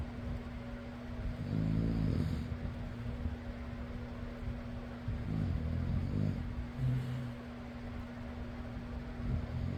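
Soft, rumbling snores partly masked by the steady hum of a fan running throughout.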